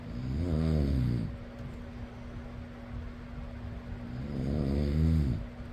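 Two loud, low, rattling snores about four seconds apart over a steady fan hum; ordinary snoring.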